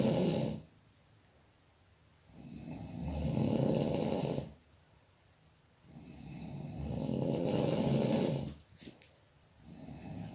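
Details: Person snoring: loud, rough snoring on each breath, about three cycles in ten seconds, with quiet gaps between.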